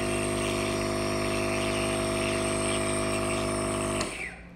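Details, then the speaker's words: Nebulizer drive kit compressor being powered on and tested before giving albuterol to sick children, one aged 14 months, with flu; steady loud mechanical hum and buzz stopping abruptly: nebulizer compressor running. "so now it's hooked up to power let me just see if it works so it looks like it's working"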